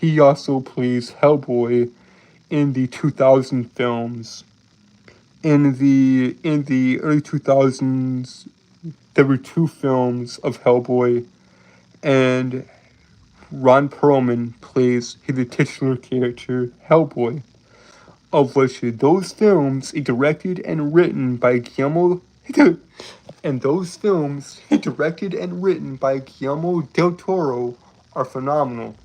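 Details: Male streamer with a self-reported speech impediment causing stuttering and tripping over words; stuttering.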